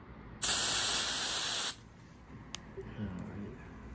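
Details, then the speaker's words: A steady hiss of aerosol cold spray for about a second, then quiet room noise, numbing the skin of an athlete's right knee before a platelet-rich plasma injection for knee arthritis. "okay okay so there's gonna be cold spray to numb the skin and then a poking some pressure right"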